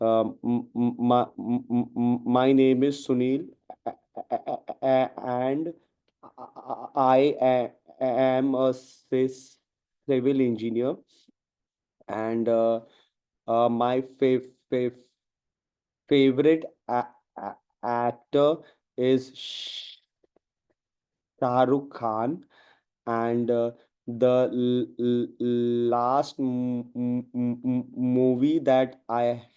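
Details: Adult man in a stammering self-help group deliberately demonstrating voluntary stammering, with tight tension and high frequency on every word; acted stuttering (voluntary stammering).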